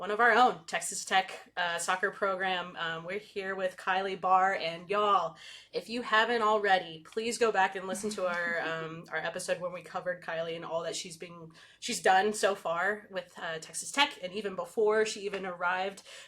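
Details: Adult woman speaking; normal speech.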